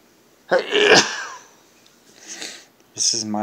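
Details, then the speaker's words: Late-night sneezing at about 1 a.m., a nightly ritual: a sharp explosive sneeze with an inhaled lead-in, then a softer second burst and a brief voiced sound; sneeze. "is their nighttime sneezes it's like 1:00 in the morning just started"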